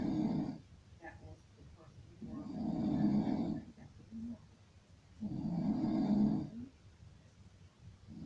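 Regular low rattling snores on each breath in, about 20 breaths a minute, with quiet breathing out between them; snoring.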